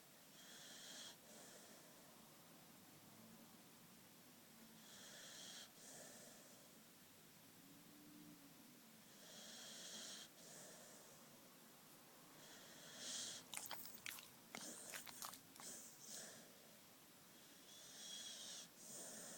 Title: Best Relaxed snoring Puppy Dog video